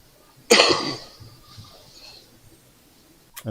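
A single sharp, harsh cough burst fading over half a second, with a brief noise at the end.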